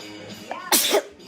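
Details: Person takes a short breath in, then gives one sharp, explosive sneeze; a single sneeze.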